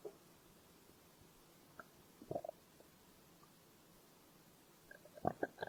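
Faint gurgles and a few short rumbling squeaks in a quiet room, ordinary stomach growling from hunger.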